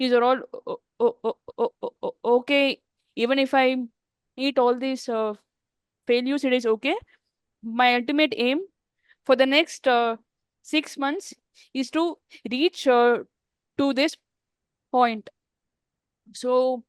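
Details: Adult woman who stammers, in a real English-language podcast interview: stuttering.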